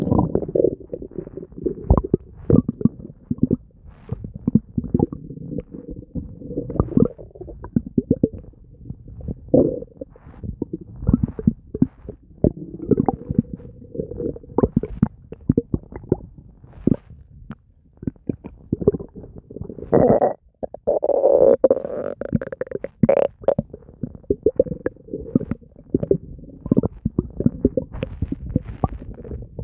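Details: Nonstop stomach noises: continuous bubbling and gurgling from the abdomen with frequent short pops and longer rumbling runs, ordinary bowel sounds (borborygmi).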